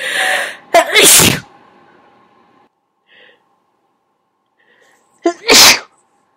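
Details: Deliberately induced sneezing, first attempt: two loud, explosive sneezes a few seconds apart, each preceded by a brief intake of breath.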